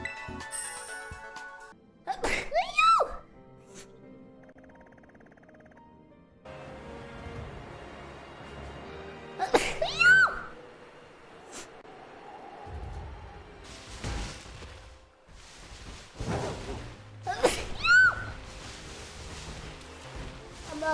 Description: As cute as her sneezing is, I do get a little worried.